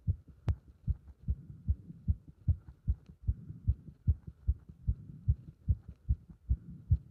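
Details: Heart sounds recorded with pressure on the chest during squats: a fast, regular, strong heartbeat at about 150 beats a minute; a quick rate expected with exertion.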